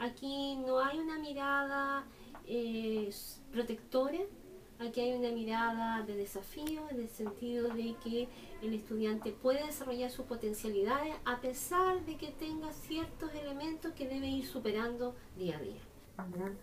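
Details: Adult woman speaking Spanish; normal speech.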